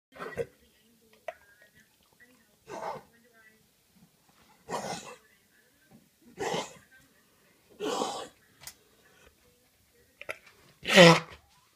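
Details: Collie dog with a cough: about six harsh, separate coughing bursts spaced a second or two apart, the last loudest with a honking, slightly tonal edge, in a quiet room.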